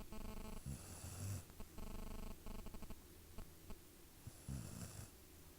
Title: Snoring